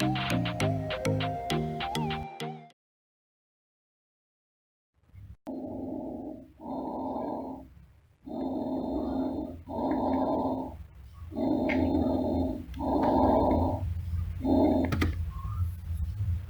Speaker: suara napas bronkial bernada tinggi dengan fase ekspirasi lebih lama daripada inspirasi dan terputus Berikut adalah contoh suara nafas bronkial